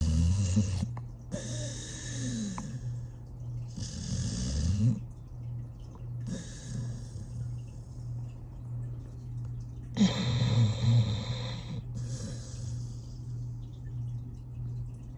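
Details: 13-year-old rescue Pit Bull asleep, giving repeated low rumbling snores with breathy inhalations every two to three seconds; ordinary snoring.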